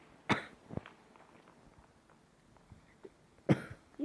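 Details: Two single dry coughs a few seconds apart, with quiet room noise between.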